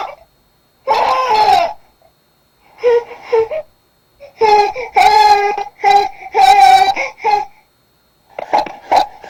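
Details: Newborn crying from being overheated: panting cry without straining, with an audible 'h' breathy sound, almost like laughing, unlike the short forceful cry of a gassy baby.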